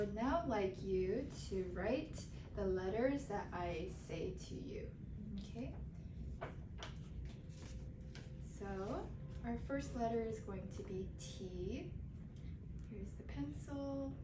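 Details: Adult clinician; normal speech.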